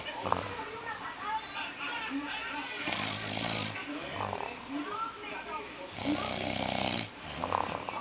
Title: dad snoring